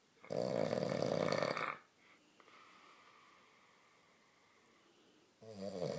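Loud rattling snore on the in-breath, followed by a quiet pause and the next snore beginning; typical back-sleeping snoring.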